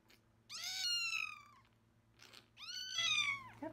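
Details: Two loud, high, strained cries from a neonatal kitten with upper respiratory infection during tube feeding, tube passed on left side of throat; strong crying shows tube is not in the airway; steady low hum behind.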